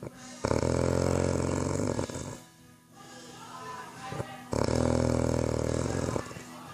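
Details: Two long, loud, rattling snores on the in-breath separated by a quieter out-breath, from a sleeping man: snoring.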